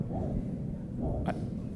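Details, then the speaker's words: Normal arteriovenous fistula bruit in a haemodialysis vascular access, auscultated over the fistula: a low-pitched, continuous whooshing rumble. An abnormal fistula gives a higher-pitched sound that loses its diastolic component. "escucha un poco es un sonido grave continuo mientras que cuando hay una alteración de la fístula es un sonido más agusto en el que se pierde el componente diastólico"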